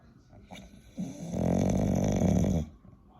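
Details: Bulldog, flat-faced, one loud rattling drawn-out snore over a second long, then quiet breathing; heavy snoring.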